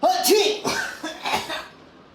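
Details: Sneezing during an aloe vera prank on a toddler, in which the parent pretends to sneeze out aloe vera gel: a short high-pitched vocal onset, then a few brief explosive bursts fading out.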